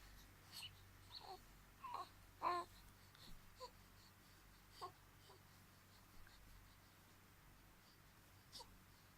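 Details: Baby girl sneezing amid soft infant vocal sounds and small whimpers: one short, sharp sneeze.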